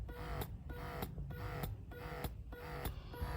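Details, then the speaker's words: Horigen wearable breast pump in stimulation mode: quick rhythmic mechanical pulses, about 100 a minute, with a faint whirring motor. "this is the stimulation one do you see anything oh so imagine we try to with the suction this is just the let me try to focus this is just the stimulation mode right"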